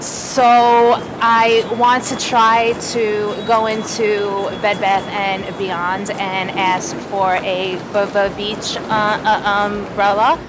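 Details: Client who stutters, in a stuttering treatment session practicing a real-world speaking task, who reports sometimes avoiding vowels; stuttering.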